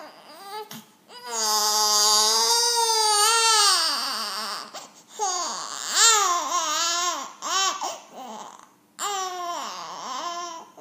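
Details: Loud, high-pitched wailing cries from an infant in long bursts with brief catches of breath between; ordinary infant crying.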